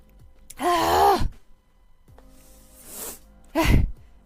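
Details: Female with allergies, still sick, sneezing often: a voiced, drawn-out in-breath with a catch, a pause, then a sharp burst of air, a sneeze wind-up and sneeze.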